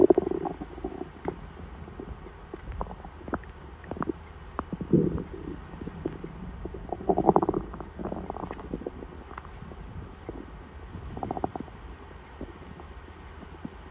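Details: Hungry stomach before dinner: gurgles and bubbling rumbles come and go over a quiet background; normal bowel sounds (borborygmi).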